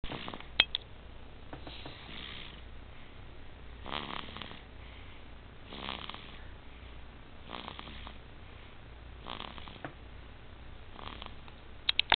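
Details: A female snoring during sleep, said to snore like her mother: regular rough, noisy snores about every two seconds, roughly 30 breaths a minute, in a quiet room.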